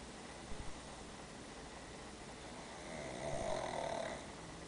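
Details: Sleeping after a day at daycare: a single drawn-out snore with a low rattling tone against steady room noise; snoring.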